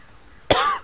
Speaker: Christ, I can't stop coughing.